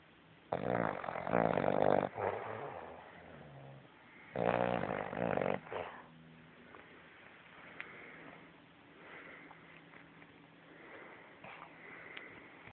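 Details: Sleeping bulldog: two loud, rattling inspiratory snores, each over a second long, with quieter breathing noise between; dog snoring.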